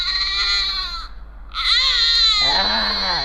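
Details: Infant crying; colic cry.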